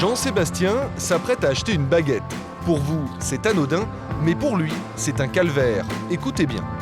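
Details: Adult male narrator; ordinary fluent speech.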